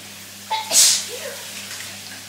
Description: incredibly sneezy in the shower so recorded on my phone for you all.....